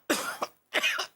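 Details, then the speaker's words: Acted comedy scene in a Hindi TV show in which an adult man coughs while speaking on the phone: two short dry coughs. "अरे आप खांसी खाते खाते बात करेंगे तो मैं आपकी आवाज कैसे पहचानूंगी?"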